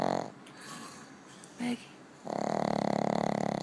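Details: Sleeping dog snoring: loud, fluttering, growl-like snores following quieter breathing noises in a small room.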